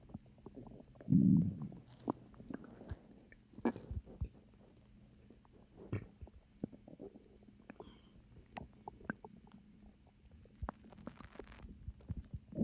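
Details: Low gurgling stomach rumbles, a loud growl early on, then scattered soft bubbling clicks, calmer than usual, possibly from swallowed air: ordinary stomach growling (borborygmi).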